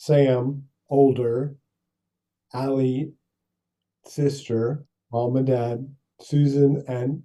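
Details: Adult male stroke survivor with non-fluent aphasia for seven years after a brain bleed caused by coughing during pneumonia, plus apraxia of speech; has trouble with word retrieval, numbers and sentences; non-fluent aphasia with apraxia of speech.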